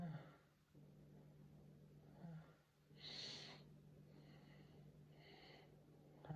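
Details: Man sneezing, some sneezes stifled, half stifled or not stifled: quiet, partly stifled sneezes with a brief sharp burst and softer snorting releases over a steady room hum.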